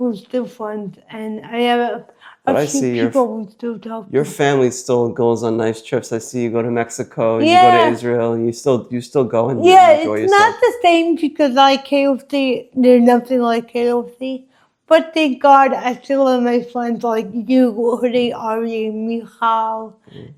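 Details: Dysarthria in an adult woman with congenital cerebral palsy, present since birth, which she says affects her walking, face, mouth, drooling and speech.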